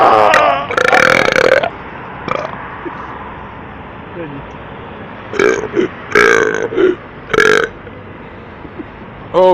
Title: Midnight burps